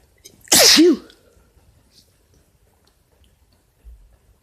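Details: Male (boyfriend) sneezing, cause questioned as allergies or cold; one loud, sharp sneeze with a brief voiced ending, followed by quiet room sound.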